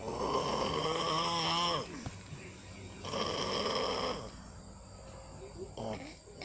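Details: Father snoring while asleep, waking his baby: loud rattling snores on inhalation, two long snores with quieter breathing between and a brief third one.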